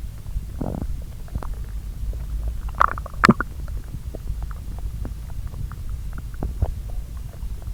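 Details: Bowel sounds recorded at two areas of the lower intestine and overlaid, digesting the previous day's meals: soft low rumbling with scattered gurgles and a few brief louder squelching bursts; quiet, irregular normal borborygmi.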